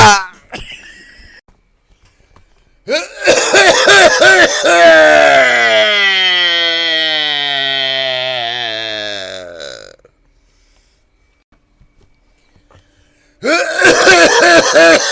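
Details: Acted, exaggerated voiced coughs with a long drawn-out groaning cough in the middle, recorded April 22, 2020; theatrical imitation, not a real cough.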